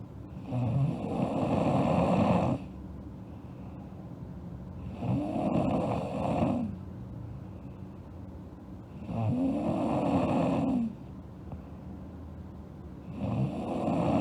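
Loud rattling snores on each breath in, about four breaths in 14 seconds, roughly 16 a minute, with quieter breaths out; snoring in sleep.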